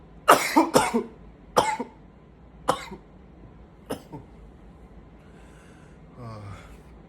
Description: in this video, i groan a little bit in between coughing fits to show how much the coughing is tiring me.